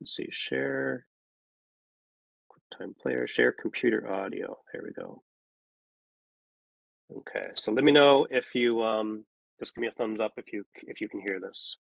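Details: Adult male speaker; ordinary speech.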